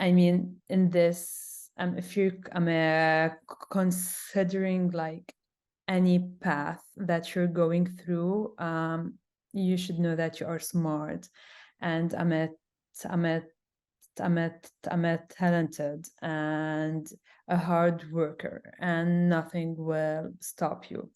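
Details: Adult woman who stutters, a webinar panelist with audible word repetitions; stuttering.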